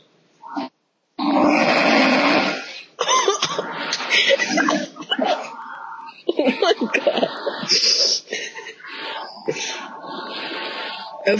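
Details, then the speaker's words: Loud, rough, grunting snores from a sleeping girl, heard through a distorted call microphone; snoring. "wakes herself up like oh my God I'm just going to mute her"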